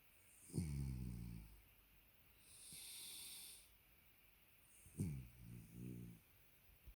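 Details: Sleeping dog, dozed off after a belly rub, gives two low, fluttering snores on inspiration with soft sighing breaths between them: snoring.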